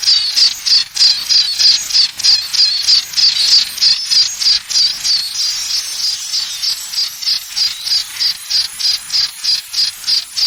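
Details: Simulated tinnitus: a shrill, high-pitched chirping tone pulsing steadily, like cricket-like ringing.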